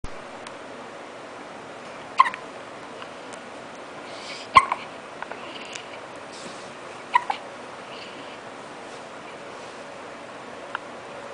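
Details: Baby with hiccups: three sharp, brief hiccups at irregular intervals in a quiet room.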